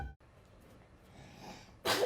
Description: A two-year-old from Richmond, London, could not help herself from sneezing on a pastry she was making with her dad.